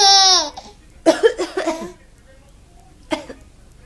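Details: Mother's cough: a run of about four short, dry coughs, then one more single cough, while her baby laughs high-pitched at the start, amused by the cough.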